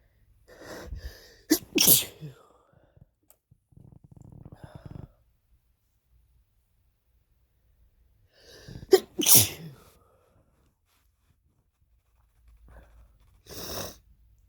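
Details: Adult male with a cold (his third this year) sneezing: two clear sneezes each preceded by a sharp in-breath, then a softer third sneeze-like burst.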